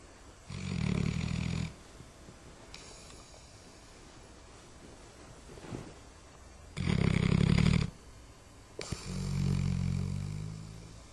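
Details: Ordinary snoring in a dog: three loud, low, rattling snores with quiet pauses, about one every four seconds.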